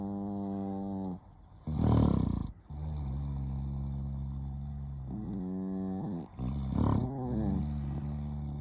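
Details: Small Chihuahua snoring steadily: long, low, buzzing breaths alternating with rougher snorts; snoring.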